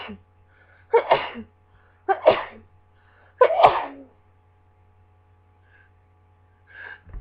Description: I thought the worst of my cold was over so I went into work but later this fit happened.